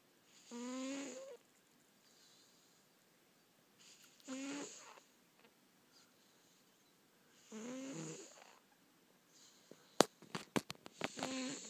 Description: My cat boots snores.